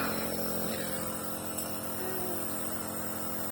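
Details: Omron compressor nebulizer running for a child with cough and cold, whose chest sounded noisy on stethoscope, delivering prescribed Ventolin 2.5 mg, Pulmicort 0.25 mg/ml and saline; steady droning motor hum with fast regular buzz.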